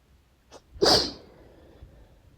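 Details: Sneeze of unknown cause after intense nose tingling: a short intake of breath, then one forceful, wet sneeze trailing into a faint sniffle.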